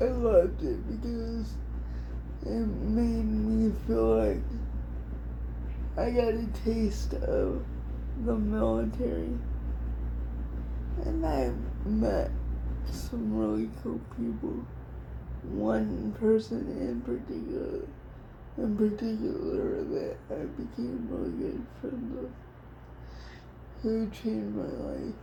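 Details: Adult woman with cerebral palsy diagnosed at 6 months, she thinks level 4 or 5, affecting all parts of her body including speech somewhat and hands, plus dystonia; dysarthria (cerebral palsy).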